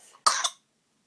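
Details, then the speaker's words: A single short, forceful cough from a babbling infant girl in a quiet room, described as a powerful cough while she is getting better. "it's a powerful cough mhm she's really getting better"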